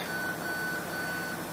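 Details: Root canal treatment of a first upper molar with a heavily calcified pulp chamber, using a Woodpecker Dpex X apex locator after MTA marking: a steady high-pitched electronic tone over room noise signals a connection at the probed point.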